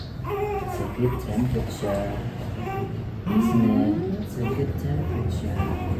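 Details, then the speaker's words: Newborn baby girl in her first week, crying during a bath after hospital discharge: short bursts of crying mixed with parents' soothing talk in a small room. "Baby, don't cry. Don't cry, baby girl."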